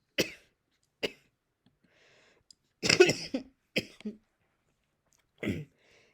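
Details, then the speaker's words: Adult coughing during a reaction recording, short dry throaty coughs in separate bursts; the reason is given as being in the description, reportedly after intubation. "sorry that's all for this one and sorry if I'm coughing a little during this um I'll put the reason why in the description"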